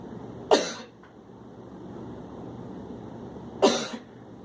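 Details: Respiratory care student demonstrating a directed cough for airway clearance, seated, bent slightly forward after a slow inhale: two single, forceful coughs about three seconds apart.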